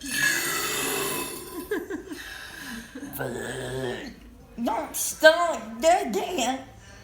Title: Burping the ABCs!